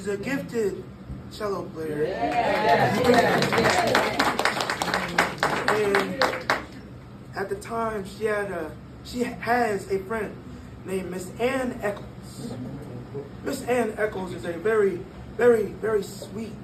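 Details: 22-year-old man born prematurely at about one pound, vocal cords still developing as he grew and still not closing all the way; dysphonia from incomplete vocal fold closure.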